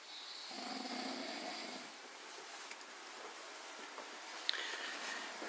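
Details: Someone snoring lightly at 2:10: a soft, rough noise with each breath, then quiet breathing and a few small clicks in a quiet room.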